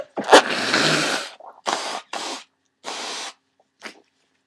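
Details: Forceful sneeze then wet, hissing blasts like nose blows into a tissue, during a common cold with swollen sinuses and worsening symptoms; some stuck sneezes were deliberately induced.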